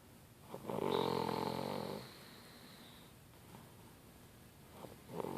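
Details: Girl snoring: one loud, rattling snore on the in-breath, then quieter breathing and the start of another snore.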